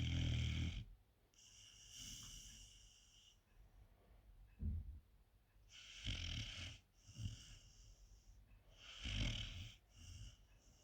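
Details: 4-month-old sleeping puppy with irregular low snorts and rattling snores, with some higher wheezy noise between; snoring.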